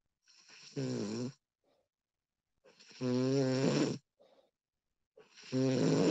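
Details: Female snoring recorded as a realistic sound effect: loud, rattling inhaled snores with soft breaths out between them, roughly every two and a half seconds in a quiet room.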